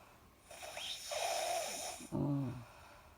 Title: Snoring - they are racing who can snore the loudest